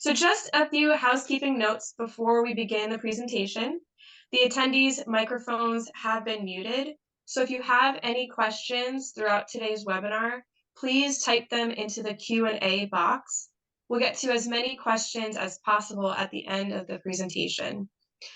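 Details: Adult woman speaking; Normal fluent speech.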